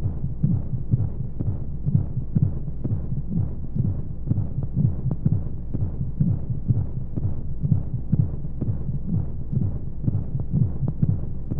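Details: Womb-sound baby sleep aid: steady muffled low double heartbeat thumps, about 125 a minute, under constant white-noise hiss; heartbeat as heard in the womb.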